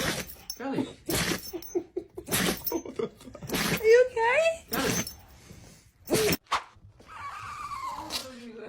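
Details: Several short, sharp dog sneezes in a row with brief gaps, mixed with bits of voice; sneezing.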